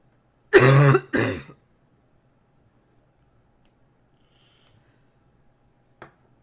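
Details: Girl coughing: two quick loud coughs back to back, then quiet with a faint click later.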